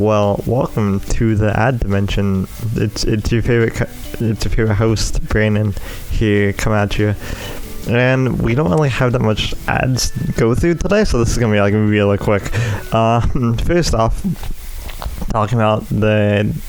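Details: Dysarthric speech in an adult male with cerebral palsy affecting his right side, especially his right arm and leg, which he says also causes his speech impediment.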